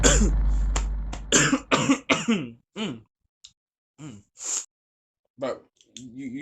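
An acted run of harsh coughs and throat clearing in short bursts, with vocal strain between them.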